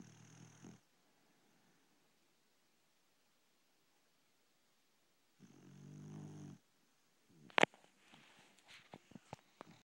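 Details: Pet dog asleep in the bedroom: two soft, low, rattling snores a few seconds apart, then shuffling sounds; gentle snoring.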